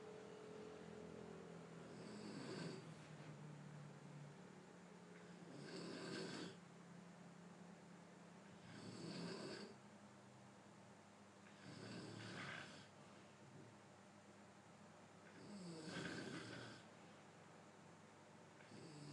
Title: snoring sound clip 2 mns